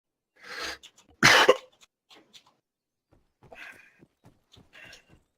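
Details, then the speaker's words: A person whose coughs are each followed by hiccups, a pattern that just started and worries them: two short cough bursts followed by small catching, hiccup-like sounds. "Every time I cough, I hiccup. Every time I cough, I hiccup. It's a disease, dude."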